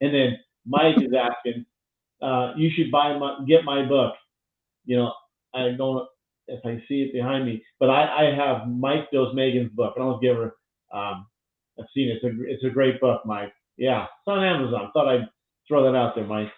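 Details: Adult male speaker; Normal speech.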